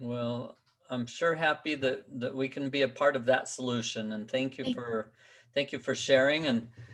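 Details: Adult male speaker; normal voice.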